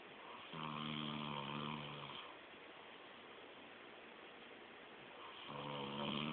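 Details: Adult man passed out asleep at a friend's, snoring like a chainsaw. Two long, loud, buzzing snores on the in-breath, about four seconds apart, with quiet breathing between: snoring.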